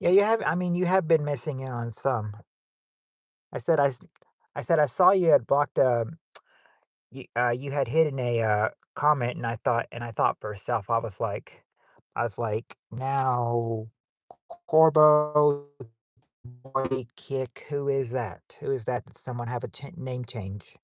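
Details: 40-year-old man who says he stutters so much that he probably repeats himself; stuttering.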